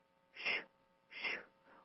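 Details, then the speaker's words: Imitated Doppler arterial pulse during wound assessment: a single breathy whoosh per beat with the reverse-flow component lost, a monophasic waveform indicating severe arterial disease that needs further testing. "as arterial disease worsens the patient loses the reverse flow component that be waived and you only have the a wave and this is a monophasic waveform and it's going to sound like this"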